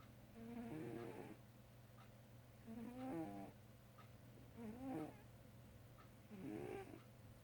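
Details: Sleeping cat, possibly dreaming, snoring: four short, pitched, buzzing snores about two seconds apart, roughly 30 breaths a minute, over a steady low hum.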